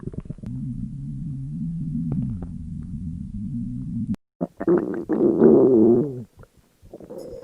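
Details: Three girls' stomachs growling from hunger in an elevator, staged for entertainment: a long low rumbling gurgle, then a louder squeaky growl. Stomach growling (borborygmi).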